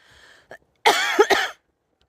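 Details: Person coughing, cause unknown to them, after walking over to pet their horse, with horses and hens nearby: cough.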